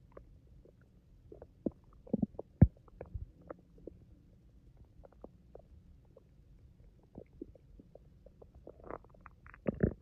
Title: My stomach growling rumble 😩